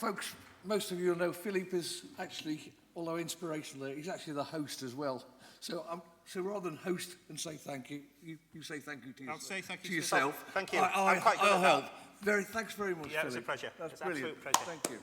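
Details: Adult male speakers; normal speech.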